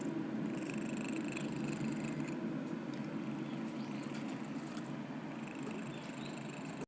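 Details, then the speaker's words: Sleeping cat snoring: a steady, low, purr-like rumble throughout, a normal sound during sleep. "あらら、みけちゃん寝ながらいびきしてますね。"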